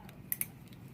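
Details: Two quick, sharp metallic snips in a quiet room: surgical scissors cutting long-left nylon suture ends after square-knot tying during removal of a deep skin cyst.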